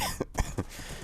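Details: Cough in an adult still a little sick and getting over a cold, while talking during gameplay: a short run of three rough coughs in quick succession.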